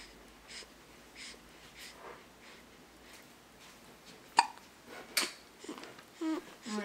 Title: More Baby Hiccups